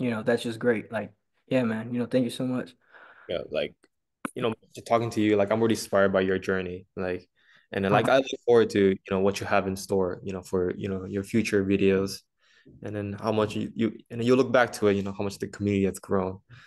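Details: Male who stutters, with frequent 'you know' interjections and repetitions; stuttering.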